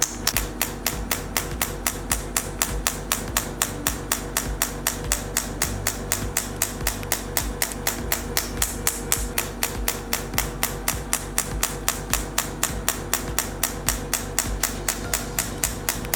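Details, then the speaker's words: Radial shockwave therapy handpiece (3rd-gen ESWT machine T8+) firing with gel on skin over the trapezius muscles, moved in slow motions or small circles: rapid, regular sharp clicking pulses, about four a second, over background music. "Tap the switch on the handle. Manipulate the trapezius muscles in slow motions or slow small circles, manipulating the diastasis perpendiculars."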